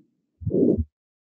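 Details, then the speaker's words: Harvey cardiology simulator: harsh systolic murmur loudest at the right upper sternal edge and radiating to the carotids, as typical of more severe disease; aortic stenosis. "you might expect this is aortic stenosis [Music] and as is typical especially with more severe disease but you can hear that murmur radiating to the carotids"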